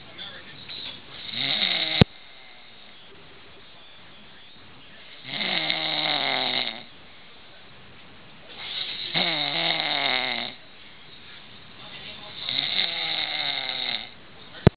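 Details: Person asleep on a couch snoring loudly and harshly, with quiet gaps between: four snores in about fifteen seconds, roughly sixteen breaths a minute.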